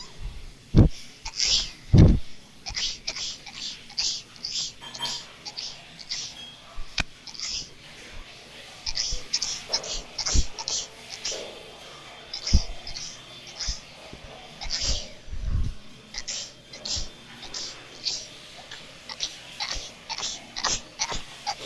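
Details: Girl sneezing rapidly: many short, sharp bursts of air in quick succession with quiet breaths between.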